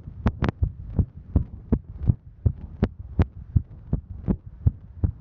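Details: Female's heartbeat recorded while hiking: fast, regular beat around 160 a minute with a low hum, racing during exertion; normal heart sounds during exertion.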